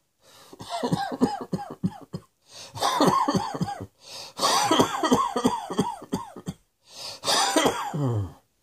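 Repeated bouts of short, forceful coughs in quick runs, with brief gasping breaths between bouts.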